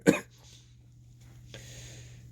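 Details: Single short, sharp cough in a person with a sore throat, followed by quiet room noise and faint hiss; cough.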